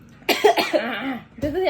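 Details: Person coughing during a mukbang of very spicy baso aci: a short burst of coughing with a brief voiced catch, then a breath.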